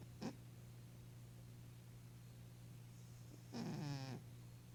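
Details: 11-year-old female Maine Coon cat with hyperthyroidism and kidney disease, snoring and dreaming: two brief snoring breaths with a low rattling, fluttering tone, separated by a quiet pause, against a steady room hum.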